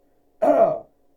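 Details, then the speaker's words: Single short voiced throat clear, a brief rough push of air, from a man who habitually coughs and clears his throat while talking in his films, also recently had a cold. "Yeah, well, even before the cold, I would cough and clear my throat a lot in my films, and everyone had a belief to why that was, you know."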